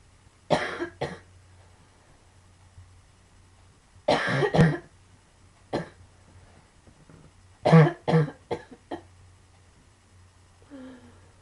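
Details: Chronic cough from pulmonary sarcoidosis, coughing heavily: about ten dry coughs in clusters of two to four over a low steady hum.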